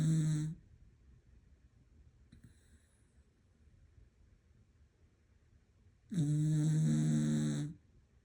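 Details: Deeply asleep, snoring for over a minute: loud, low buzzing snore on the in-breath, separated by about five seconds of quiet breathing.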